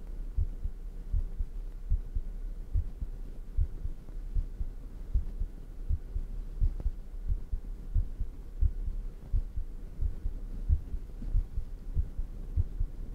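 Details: Own heartbeat recorded close up for ASMR: soft, regular low thumps, roughly 75 to 80 a minute, under a steady hum; a heartbeat heard close up.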